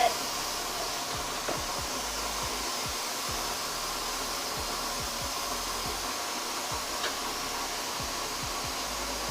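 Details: Fractional CO2 laser resurfacing of perioral lines around the mouth, done in the office: steady airy whoosh of the smoke evacuator with faint, irregular soft clicks of laser pulses.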